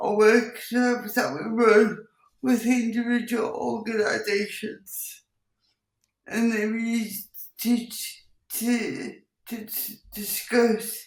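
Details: Dysarthria in an adult woman with cerebral palsy, who also has involuntary movements and uses a wheelchair.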